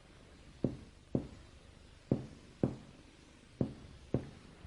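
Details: Normal lung resonance on percussion.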